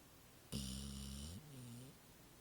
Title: Snoring Pit Bull